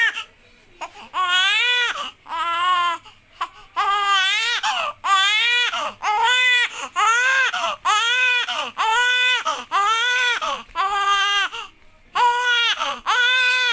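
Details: Newborn boy, under 2 months old: loud, rhythmic wailing cry in repeated bursts, about one a second, with brief gasps between; a vigorous infant cry.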